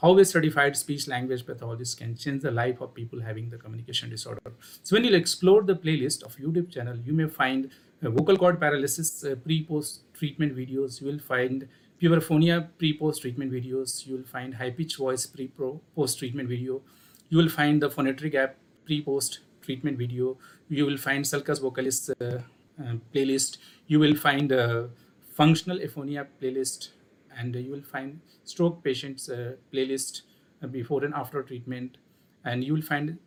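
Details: Adult man speaking; normal adult male speech.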